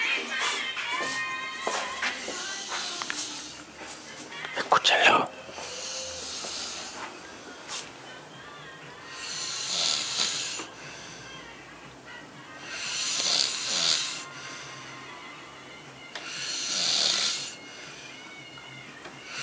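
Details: Adult man snoring during sleep: after brief narration and music, three rough, noisy snores on the in-breaths, roughly every four seconds.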